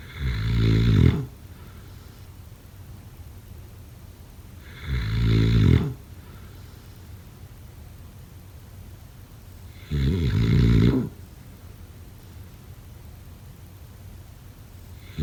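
Three loud, low, rough snores at a steady pace of about 12 breaths a minute.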